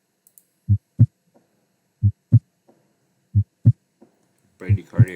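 Simulated slow, regular heartbeat, paired lub-dub sounds at about 45 beats a minute, with brief noise at the end: bradycardia.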